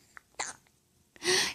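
A couple of soft catches, then one sharp, hissing burst of air typical of a single infant sneeze.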